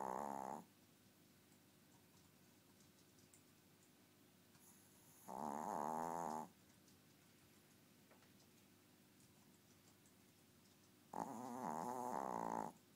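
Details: Dobby, a tiny 4-year-old, snoring very loudly: three long, loud, buzzing snores with a fluttering, rattling quality, separated by quiet gaps.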